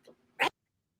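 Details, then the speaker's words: Sleeping dog, dreaming and kicking her legs as if running, breathing heavily: a faint breathy sound, then one short, loud nasal snort during sleep. "She was snoring like real loud and kicking her legs around. She's in a dream. She's running."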